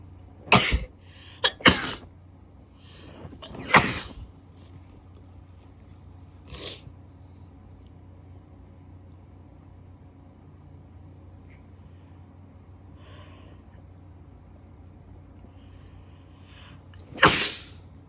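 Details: Female who is still sick: several forceful sneezes with sniffs, softer nose noises and nose blowing between them, in a quiet room; sneezing.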